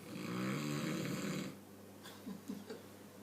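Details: A single loud, rumbling snore on an in-breath, then quiet breathing noise; ordinary snoring.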